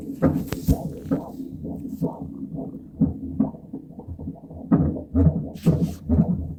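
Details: Fetal heartbeat on ultrasound Doppler at 36 weeks in an IVF pregnancy, at a final growth scan on the day of cerclage removal: rapid rhythmic whooshing pulses of about 130 a minute with some background noise.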